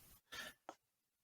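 Two short cough-like bursts, a brief harsh throat clear followed by a sharper single cough, in a quiet room.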